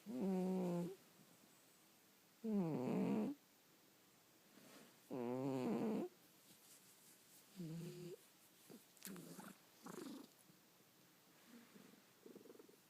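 Repeated short, vibrating snore-like breaths with a wavering, whiny tone, fading to softer snuffles toward the end.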